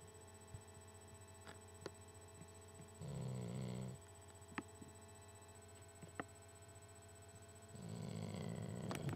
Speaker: hey guys listen to my dog a snore